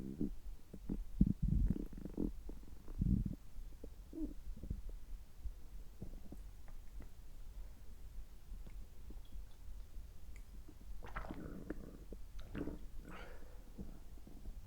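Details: Adult's abdomen recorded after a gastroscopy with normal results, while drinking water: low gurgling and bubbling rumbles; ordinary bowel sounds.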